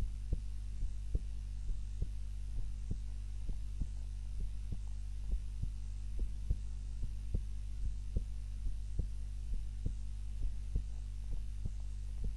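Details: Own heartbeat recorded by timer while napping, lying on the back (supine) rather than the usual prone position: soft, regular heart thumps about 94 a minute over a loud steady hum; normal heart sounds during sleep.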